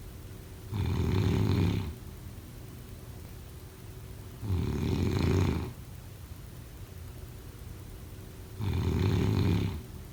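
Three loud, rough, rattling snores, each about a second long, at a steady pace of roughly fifteen breaths a minute, with quiet breathing between.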